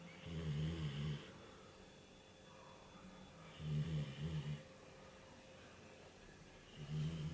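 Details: Bernese Mountain Dog puppy asleep in a quiet room, snoring with low rumbling snores about every three seconds, some broken into two pulses.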